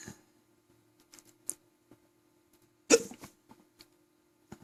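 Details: Hiccups after eating three quarters of a large, thick pizza until stuffed, then chugging water: short abrupt catches, one louder sharp hic near the middle, in a quiet room with a faint steady hum.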